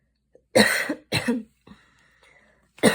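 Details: Post-exercise cough.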